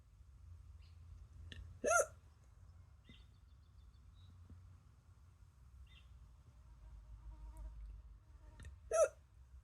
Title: Concentrating while I give myself hiccups lol